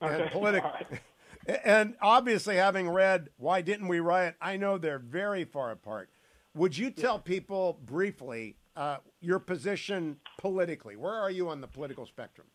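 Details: Adult male speaker; normal speech.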